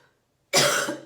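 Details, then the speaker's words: Single sudden, harsh cough burst after silence, fading over half a second, from an adult speaker who reports throat issues and trying to suppress coughing; cough. "I'm sorry, you know, I'm having some issues with my throat. I'm trying not to cough, so if I sound weird, I sound like I'm stumbling through my words, it's because I'm trying not to cough."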